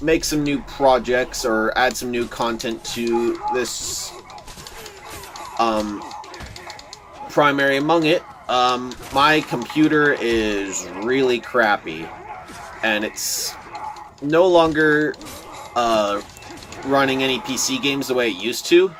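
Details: Stuttering in a male speaker who says he stutters a lot; word repetitions are heard in this stretch.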